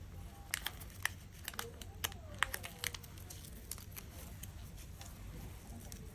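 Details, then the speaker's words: Quiet crinkling and tearing as paper backing is peeled from half a Tegaderm film dressing tucked under a surgical drain, to make the drain site water resistant for showering. "I will take a piece of teged arm cut it in half take one half cut it halfway through tuck it up underneath the patient remove the paper backing"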